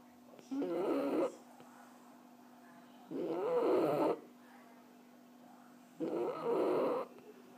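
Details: A relaxed, sleeping French bulldog snoring: raspy, fluttering snores on each in-breath, about 20 a minute, over a faint steady hum.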